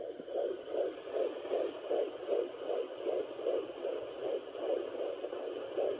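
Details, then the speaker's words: Fast, regular whooshing pulses, about 130-150 a minute, from a home Doppler used by the pregnant mother, strong and louder than when first heard; fetal heartbeat. "But yeah, it was so strong and so nice, and it was just nice to hear, and it was a nice little birthday thing."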